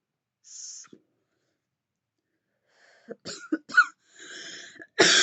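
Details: Adult woman taking deep vape puffs: a hiss of exhaled vapour, a brief pause, then a run of harsh, dry coughs with gasping breaths between, an intense irritant coughing fit.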